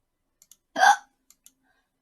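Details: A young Korean woman streaming on Twitch: one short, sharp voiced hiccup with faint clicks around it in a quiet room.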